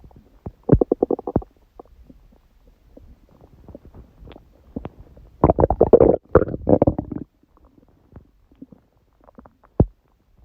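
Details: After eating too much udon at 19:30, recorded at 1:30 am on waking; owner jokes stomach was surprised by gluten after a long break. Gurgling, bubbling rumbles in bursts with quiet gaps: stomach growling (borborygmi).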